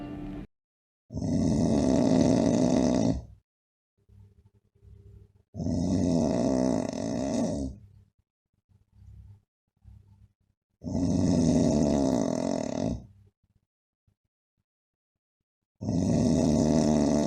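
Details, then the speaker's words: A relative's snoring during sleep: loud, very regular snores about two seconds each with steady quiet gaps and no pauses or gasps, described as typical of older people and not risky; simple snoring. "now in this you can see it is loud snoring but it is very very regular this is the kind of snoring you'll see in your grandfathers and older people and this is not at all risky"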